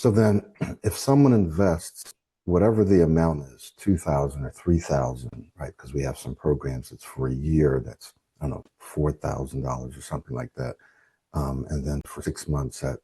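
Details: Adult speaker in conversation; ordinary speech.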